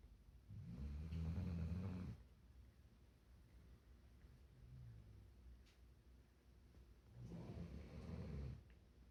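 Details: Snoring: loud, low, rumbling snores on each breath, about two long snores with a quieter one between, over steady room noise.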